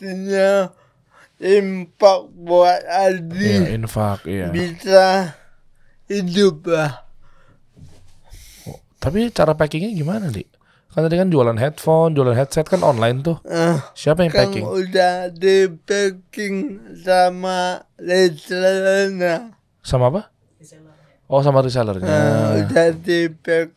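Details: Adult man born in 1987 with severe cerebral palsy from birth, attributed to a birth injury during a breech delivery; he could not walk until age 9; speech possible but unclear; dysarthria (cerebral palsy).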